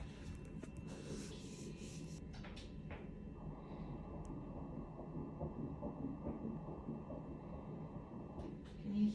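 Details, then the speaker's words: Early fetal heartbeat heard on ultrasound at 7 weeks of pregnancy (measuring 7 weeks), very fast, rapid muffled rhythmic pulsing emerging after a few seconds of room noise. "It was, I think we were 7 weeks when we heard the heartbeat, and it was just so like it was so fast."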